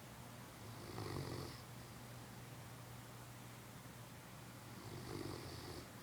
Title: Newfie Snoring